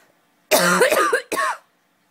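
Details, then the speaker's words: An adult gives two deliberate, strongly voiced coughs, close to a throat clear, in a quiet room to test a pet cat that dislikes coughing: voluntary cough. "okay i'm gonna see if she'll do it um apparently gabby doesn't like it when i cough"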